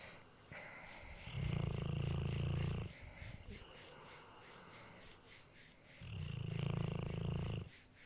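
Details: A pit bull dog snoring loudly: deep, low, rumbling snores with each breath, two in the span, over faint room noise; dog snoring.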